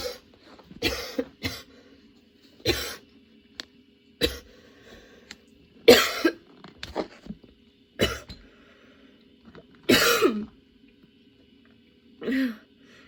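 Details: Sudden, unexpectedly prolonged coughing fit, worsening rather than easing, with tears and changing positions for comfort; about ten harsh coughs and throat clears in quick succession over a faint steady hum.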